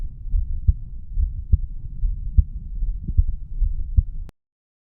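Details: 35-year-old male's heartbeat recorded at the mitral area after weight training: steady low thumping about 70 per minute; heart sounds after exercise.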